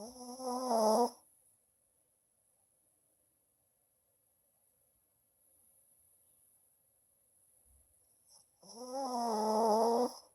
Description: Japanese Chin resting and snoring.